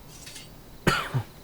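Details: A single short, harsh, dry-sounding adult cough with a brief throaty tail and no rattle, heard during video gameplay: a dry cough.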